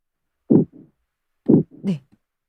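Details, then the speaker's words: Simulated pulsatile tinnitus: paired low whooshing thumps about once a second, keeping time with the heartbeat, with the pulse described as quickened. "소리가 어 박동이 빨라진 거죠 네 이런 식의 박동성 임명도 있고 명은 굉장히 다양하게 여러 개가 있고요"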